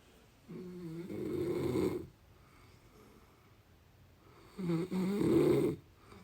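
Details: Deep-sleep snoring: two loud, rattling snores, each drawn in over about a second and a half, separated by quiet pauses.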